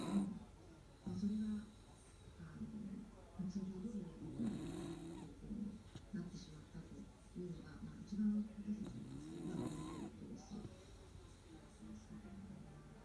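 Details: Beagle asleep with head resting on a door threshold, the household's loudest snorer: repeated low, buzzing snores with soft whistling, breath after breath, in a quiet room; dog snoring.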